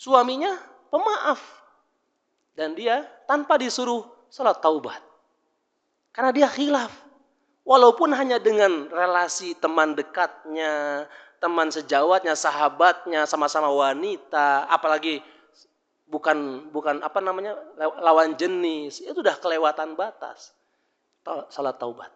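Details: Adult speaker; Normal speech.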